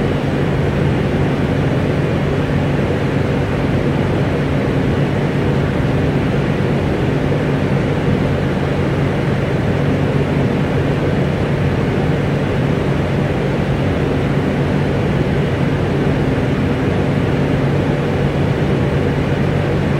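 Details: Nebulizer compressor fan running as white noise: steady, unbroken low droning hum.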